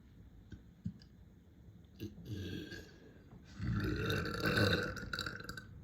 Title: Deep frat house burps😙🩷